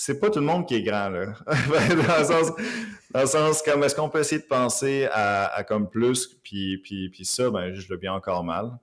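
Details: Stuttering in an adult man living with stuttering, speaking Quebec French in an interview.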